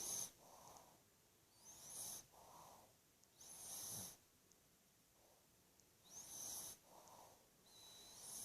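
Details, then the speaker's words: Pug snoring loudly: repeated high, whistling, snorting breaths in and out about every two seconds. "Jode, stop your snoring. Stop your snoring."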